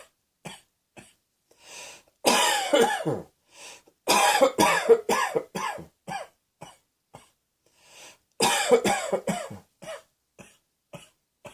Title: Cross Dressing Coughing 43